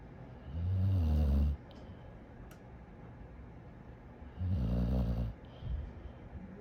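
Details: Dog snoring: two low, rumbling snores about four seconds apart, each roughly a second long, with quiet breathing between; ordinary snoring.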